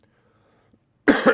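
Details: Adult speaker recovering from a cold, with a sore throat, during a live talk show: near silence, then one short, harsh cough at the end.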